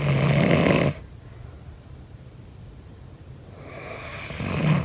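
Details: Snoring during sleep: a harsh snore, quiet breathing, then another rough snore building on the next in-breath.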